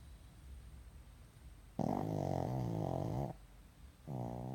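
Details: Pug, a small flat-faced dog: two loud, buzzing, humming snores with quiet breathing between; noisy snoring.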